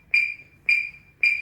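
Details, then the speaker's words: Corpuls defibrillator in manual mode during CPR training: after 25 compressions the tone changes to repeated high, pure electronic beeps that fade slightly, the ventilation prompt pacing bag-valve bagging. "Gets to 25 compressions and a tonal change, and then you'll hear a really weird and wonderful noise for your bagging."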